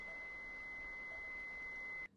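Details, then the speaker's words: A steady high-pitched electronic tone for about two seconds, then stopping: a manual defibrillator charging its paddles after energy selection and gel applied, in a training demonstration. "Next step is to charge the paddles by either pressing the charge button on the machine or the paddles."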